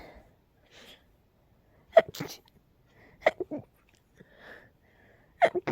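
Three quick sharp sneezes in a quiet room, each with a brief breath before it.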